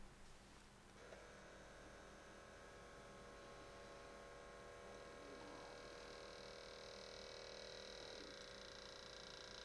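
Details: Steady motor whine of an automatic upper-arm blood pressure cuff inflating, with faint clicks and pitch shifts, on a repeat home measurement after 10 minutes' rest; the user says the reading stayed in the yellow and pulse rose.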